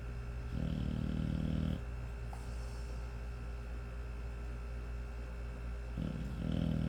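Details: Loud, rattling low snores on each breath with steady background hum from a sleeping 5-month-old American Bully puppy; ordinary snoring.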